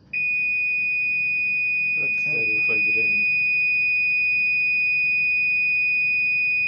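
A steady high-pitched continuous beep with brief speech over it; an infusion pump hardware error alarm.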